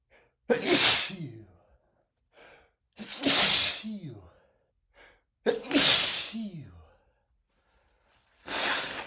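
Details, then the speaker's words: Four loud, forceful sneezes with sharp indrawn breaths in a male: persistent, not rapid, repeated pepper-triggered sneezing after cooking with black pepper; he says one whiff of spices sets him sneezing for about 30 minutes. "God. My pepper sneezes are not rapid at all, but they sure are persistent. They they just don't stop."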